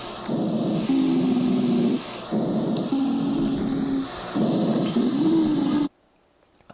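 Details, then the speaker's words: Wheezes in asthma, for teaching chest auscultation: a sound of small-calibre bronchi, formerly classed as dry rales. "ahora si nosotros tenemos la misma fisiopatología en la en la que se ven se ven implicados los bronquios de menor calibre como por ejemplo en el asma este sonido se va a ser más"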